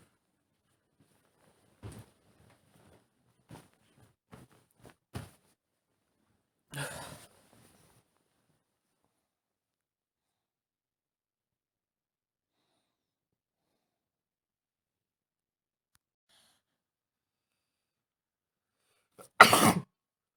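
A few soft breaths, then a loud, wet, explosive sneeze near the end in a quiet room.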